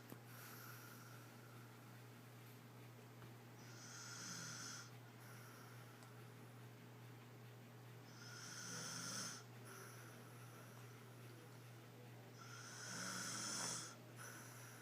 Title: Snoring girl part 3